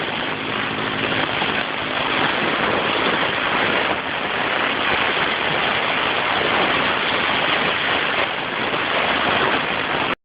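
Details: A girl receiving a nebulizer breathing treatment for a cough through a fire-truck-shaped nebulizer; steady, loud hissing hum of the compressor running continuously.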